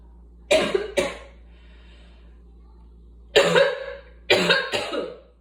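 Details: Asthmatic cough: three bouts of paired, harsh coughs with quiet gaps between them.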